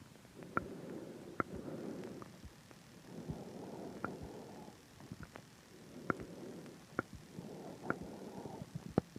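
Sharp regular clicks about every 0.8 to 0.9 seconds, roughly 70 a minute, in time with the pulse, over soft breathing; pulsatile clicking in the throat.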